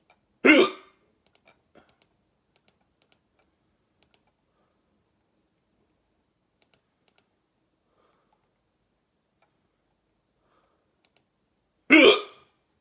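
Two abrupt hiccups about eleven seconds apart, with soft keyboard clicking in the background: persistent hiccups.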